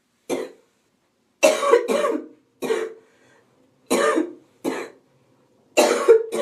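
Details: Adult woman sick with a cold: about eight harsh, dry coughs in quick, uneven bursts, some doubled, with a faint wheezy edge; relentless wheezy, hacking cough.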